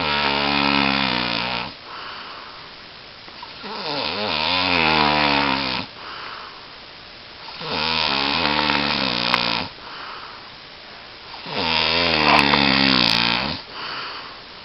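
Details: Person snoring again, keeping the recorder awake: loud, regular vibrating snores on the in-breath with quieter out-breaths, about 16 breaths a minute; heavy snoring.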